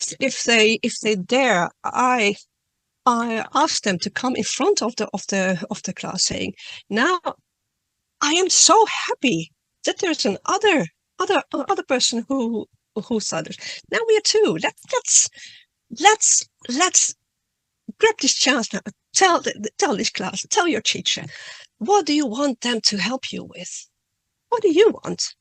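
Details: Adult woman who stutters, reading a prepared talk; word and part-word repetitions; stuttering.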